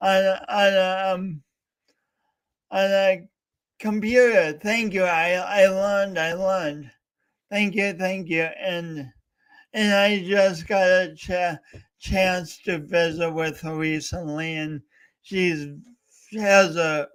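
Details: Male host with a self-described speech impediment, coached for years, attempting to talk live for three hours straight as a challenge; speech impediment (disfluent speech).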